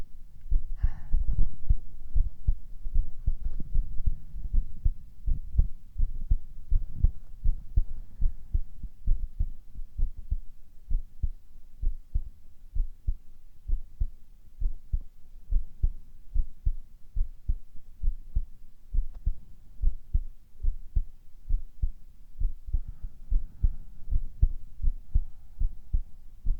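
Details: Steady, soft low thumps of a normal heartbeat, continuous throughout, with a brief faint breathy sound near the start; male ASMR recording with whispers and heart sounds.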